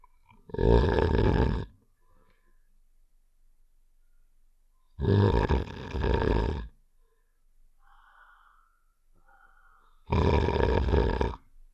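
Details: Three loud, rough, low snoring sounds spaced several seconds apart; simulated cartoon snoring sound effect from Save The Shapes (Heart character).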